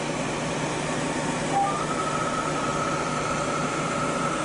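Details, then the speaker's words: Steady airy whoosh with a faint tone: a cold air blower cooling the skin to supplement anesthesia during Fraxel laser treatment of sun-damaged hands and chest, with clear gel applied to the skin. "again Gabby is using the cold air blower to blow cold air at the skin which supplements the anesthesia and makes the procedure much more"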